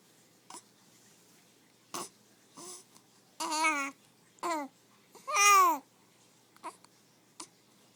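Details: Short, sharp hiccup catches at irregular intervals from an infant girl, mixed with brief fussy sounds and babble in a quiet room; infant hiccups.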